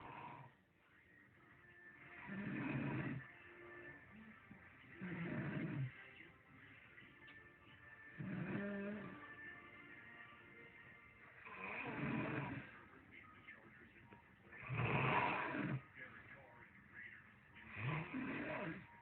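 Low rumbling snores recur about every three seconds, roughly 20 a minute, over faint background music or television.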